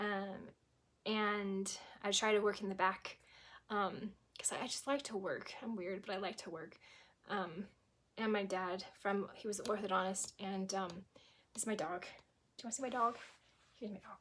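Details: Woman with chronic aphasia from a stroke at age 18, 25 years ago; she was unable to speak at first and sometimes still cannot speak; finding: mild, chronic aphasia.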